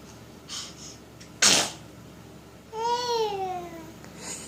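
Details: A single sharp, explosive sneeze followed by a brief voiced sound, probably a young child's, in a quiet room; sneeze.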